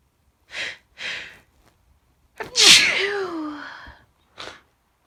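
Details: Day of sneezing fits after sniffing Chhinkni snuff: two quick sharp inhalations, then one explosive sneeze with a voiced trailing cry and a short sniff; single sneeze.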